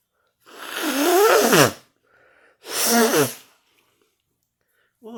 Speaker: started sneezing i got the last one in the last one three times in a row